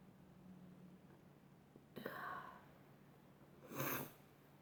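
Two abrupt explosive bursts of air, a couple of seconds apart, in a quiet room; sneezing.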